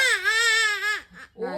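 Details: Infant crying out of fear of snoring sounds while the father tries to get the baby used to them: a single sustained, high-pitched wail, then a brief whimper.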